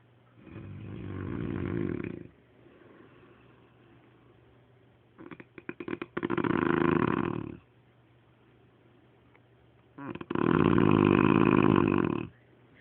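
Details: Loud snoring from a sleeping man: three long rattling snores about two seconds each with quiet pauses, about 12 breaths a minute.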